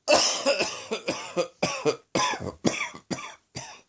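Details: Nine dry, harsh coughs in quick bursts; persistent cough from a doctor-diagnosed throat infection, not a chest infection.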